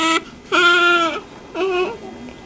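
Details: Three strong, clear wailing cries with short pauses between them; a vigorous normal cry from a newborn girl just after an unmedicated natural vaginal delivery without epidural.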